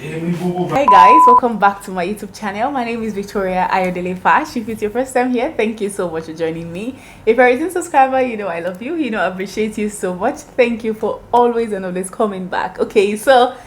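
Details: Adult woman speaking; Normal speech.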